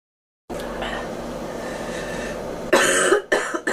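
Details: Girl coughing, who then complains her ears are popping: a few harsh cough bursts after a stretch of steady room noise; cough.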